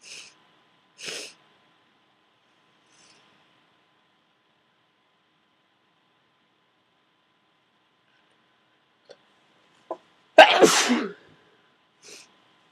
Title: Powerful Cold Sneezing